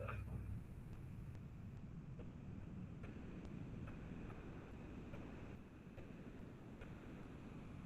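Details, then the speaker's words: Pericardial friction rub: harsh, scratchy rubbing with each heartbeat, like snow crunching or two leather sheets rubbing, with one systolic and two diastolic components over a low rumbling background. "El sonido del frote es bastante característico, es como que escucháramos la nieve o 2 láminas de cuero frotándose entre sí."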